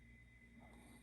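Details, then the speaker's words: A faint, low snuffling snort over a steady room hum from a sleeping long-haired Chihuahua, an adult dog rather than a puppy: ordinary snoring. "Pile number 3. Can you hear my puppy snoring?"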